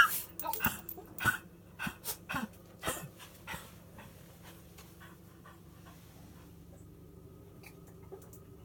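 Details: Dog coughing, recorded July 2017: a rapid run of short, harsh coughing bursts, then quiet.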